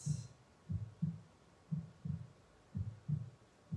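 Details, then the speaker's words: Heartbeat played in the background during a guided meditation: steady, soft lub-dub at about 60 beats a minute with a faint hum behind it; heartbeat. "sound of the heartbeat in the background so with your next breath in you may want to bring one or two hands to your chest to your heartbeat be aware of your own beating heart"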